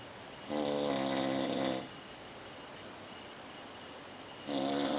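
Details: Snoring: two long, buzzing, voiced snores separated by a quiet pause.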